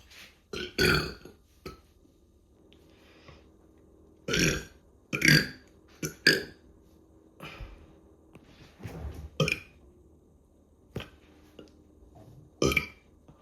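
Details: Drunk fraternity members deliberately burping: about a dozen loud, throaty belches from more than one person in quick succession, with brief pauses between.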